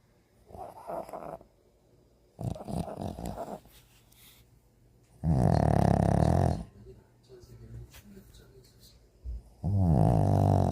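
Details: Pet dog: rough, rattling breathing noises in bursts of a second or so, some loud and throaty; dog snoring.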